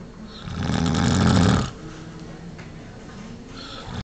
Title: Caught snoring